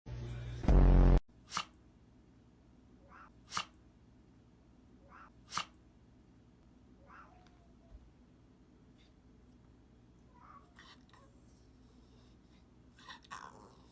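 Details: A dog sneezing repeatedly: three sharp, brief sneeze bursts about two seconds apart, following a loud opening noise.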